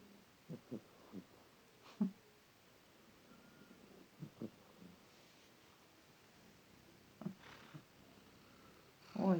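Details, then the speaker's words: Murzik, apparently a cat, snoring while lying warm; stops briefly on hearing a voice, then snores again. "У нее Мурзик так лежит, храпит. О, услышал мой голос, перестал. Нет, еще храпит."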